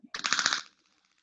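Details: Radial shockwave therapy with the DC Master Touch on an adult man's shoulder, angled down onto the supraspinatus, avoiding lung fields, 1,000 impulses; short burst of rapid sharp clicking pulses like a fast ticking rattle.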